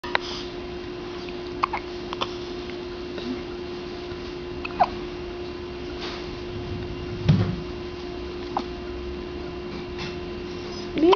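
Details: A baby's hiccups: soft, brief, irregular hiccup-like clicks against a steady room hum.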